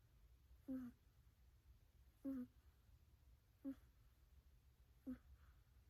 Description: 3 minutes video of a cat sleeping/snoring.